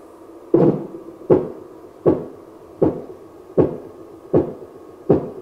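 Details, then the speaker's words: Simulated Korotkoff sounds from a geriatric care manikin's hinged arm speaker: regular sharp tapping, about 79 a minute, heard as the blood pressure cuff, inflated past 200, slowly deflates. "slowly allow the air to release and listen for the 5 kurodo cough sounds"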